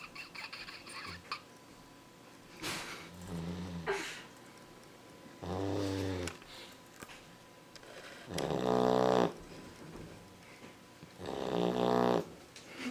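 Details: Loud, rattling snores on the in-breath, about four cycles a few seconds apart, from a sleeping female Labrador puppy likened to a motorcycle; owner wonders if she's clogged up; snoring.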